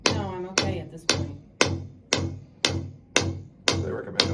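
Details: Shockwave therapy on a chronically painful left knee, with an old patellar hairline fracture that healed incorrectly and degeneration: sharp, regular mechanical pulses, about 115 a minute; the machine's sound changes over tender spots.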